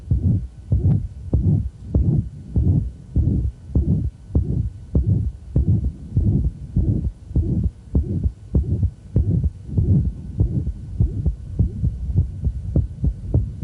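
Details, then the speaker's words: Hypertrophic cardiomyopathy murmur during a handgrip maneuver: harsh mid-systolic murmur that comes on, fades and returns as handgrip is applied and released; loud heartbeats about 100/min. "so let's listen as he goes through the sequence of handgrip and listen to the what happens with the murmur there it comes on and it's gone coming back you hear that kind of Schmid systolic squeak"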